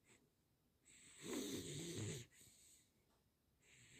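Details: A dog, tagged both beagle and labrador, snoring: one noisy, rattling snore on an in-breath with quieter breaths around it.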